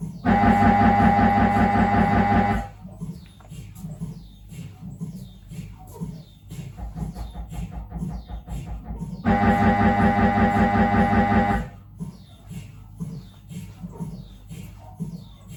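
Loud buzzing bursts alternate with softer rapid knocking in repeating sequences. This is typical MRI scanner noise during a normal head examination.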